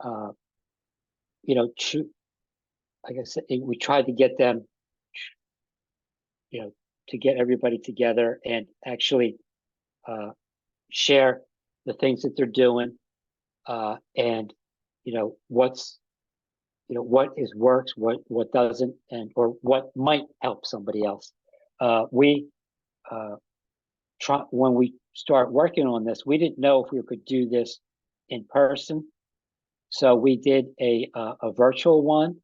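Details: Adult man with aphasia after an ischemic stroke that occurred together with a heart attack about five and a half years earlier; still has trouble with names and word tenses.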